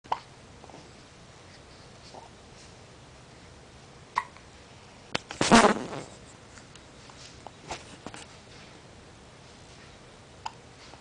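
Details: Two young children hiccupping at the same time, short sharp hiccups recurring at irregular intervals in a quiet room.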